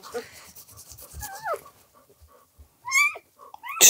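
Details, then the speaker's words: Newborn puppy crying during whelping: high, thin, squeaky cries with soft rustling, and a louder cry near the end. The cries are getting stronger after earlier gurgling was heard in its lungs. "stronger cries though you can hear that already getting stronger"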